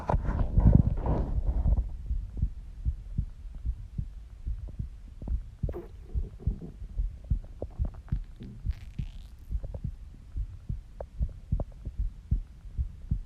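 Soft, regular low thumps at about 74 beats a minute, with rustling and a brief gurgle early on; an ordinary resting heartbeat.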